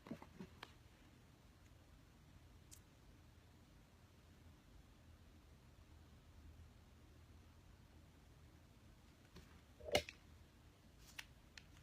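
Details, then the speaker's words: Single brief, sharp sneeze in a quiet room during a live makeup session from someone with allergies, who says missing allergy medicine for even a day makes them sick and hoarse. "Excuse me. Oh, I really hate allergies."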